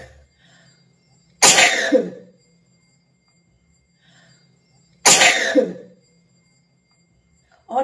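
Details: Two loud explosive sneezes a few seconds apart, each with a sharp burst and trailing voiced tail, deliberately triggered with a toothpick in the nose by a woman with a dry cold, her eyes watering.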